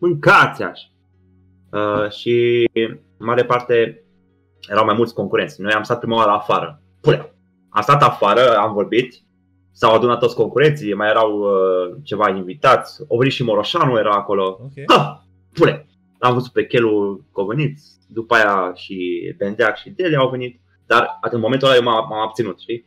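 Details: Man with Tourette syndrome, a comedian, speaking Romanian in a podcast conversation, with vocal tics (e.g. 'psi', 'psam', 'pa pa pa') throughout. Finding: vocal tics (Tourette syndrome).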